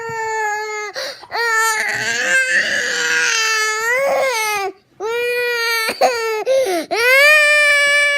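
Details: Young child crying vigorously: loud, sustained wailing cries with a few brief breath pauses and catches between them.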